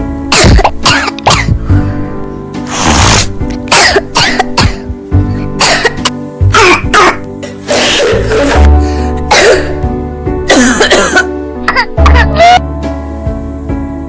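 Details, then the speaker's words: A child's repeated short, wet-sounding coughs and throat clearing. The child is otherwise healthy, with allergies and nasal congestion, suggesting an allergic cough from postnasal drip. "Si su hijo está sano, pero tiene una tos que suena húmeda Que se asocia con alergias, congestión nasal, resfriado La tos puede deberse a un goteo posnasal debido a alergias."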